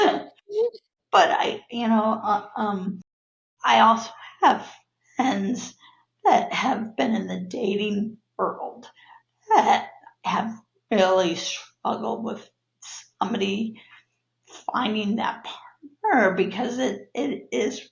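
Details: Adult woman with neurological spasmodic dysphonia of abductor and adductor types, diagnosed after a sudden voice change in 2017, worsening with stress, plus cervical dystonia; spasmodic dysphonia.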